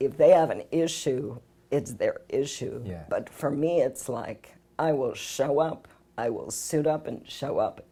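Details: Adult woman with spasmodic dysphonia, a rare neurological voice disorder; symptoms began about 6 years ago, diagnosed about 3 years ago, varying from day to day; spasmodic dysphonia.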